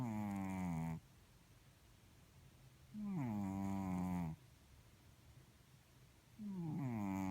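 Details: Snoring in a sleeping blue-grey Chartreux cat, described as a kitten: tonal, buzzing snores with falling pitch, about twenty a minute, separated by quiet pauses.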